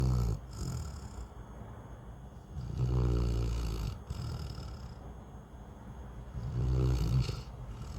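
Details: Loud snoring in a sleeping Newfoundland dog: deep, rattling snores on each breath, about every four seconds.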